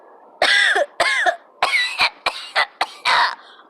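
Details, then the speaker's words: Simulated coughing fit in a demonstration of coughing etiquette: a rapid run of about six loud, harsh coughs in under four seconds, not covered, before showing coughing into the elbow; acted cough. "that's terrible I'm so sorry for coffee all over you you know what I should have done was cough into my elbow like so"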